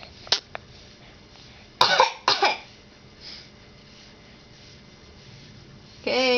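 A child gives a few short, deliberate fake coughs in a quiet room, ending with a brief voiced sound.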